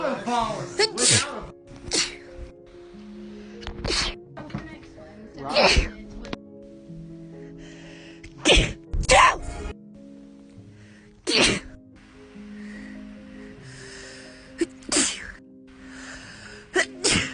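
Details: Sneezing attributed to Covid: several sharp, explosive sneezes in a row, with music in the background.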